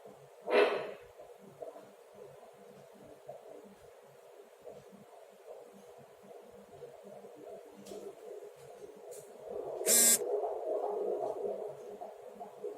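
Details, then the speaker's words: Fetal heart sounds during antenatal head-to-toe examination in a pregnant woman, listened to for a full minute over the abdomen after palpating the head as presenting part: quick, soft, regular thumps, rate 142 per minute, normal. "ini ada rezeki jatuh janin ya kita dengarkan selama atau menit penuh untuk mengukur denyut jantung janin ingin mendengarkan iramanya"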